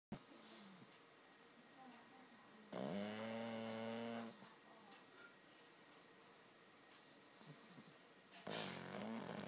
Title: Snoring Pugs